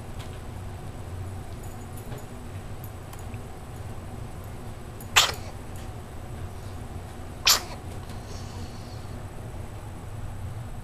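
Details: Two short, sharp sneezes about two seconds apart from a small pet, about 50 seconds into a recording, over a steady low room hum.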